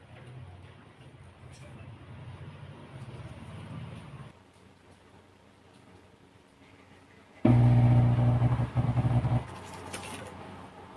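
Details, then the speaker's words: DVT intermittent pneumatic compression pump with a single sleeve on one leg, calf cuff, used to prevent deep vein thrombosis: low motor hum, a pause, then a loud steady pump drone as the cuff inflates before deflating. "ഇവിടെയായിട്ട് pressure വരുന്നുണ്ട് pressure ഓരോ കാലുകളിലേക്കും pressure pump ചെയ്യും അതുപോലെതന്നെ deflate ചെയ്യുകയും ചെയ്യും"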